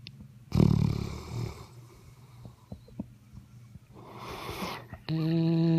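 A loud rumbling snore on the in-breath, then a softer breath noise, ending in a steady whine-like tone.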